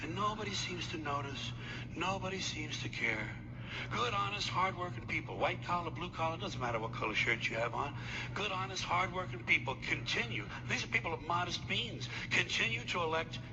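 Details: Adult man speaking; normal fluent speech.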